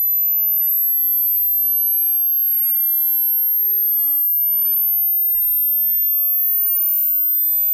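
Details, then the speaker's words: Hearing-test tone sweep: a steady, very high-pitched pure tone slowly rising in frequency. The listener is told to pause when it becomes inaudible, since high-frequency hearing fades with age (presbycusis). "As you age, you lose the ability to hear high frequencies. So take this hearing test, and when you stop hearing the sound, I want you to pause the video."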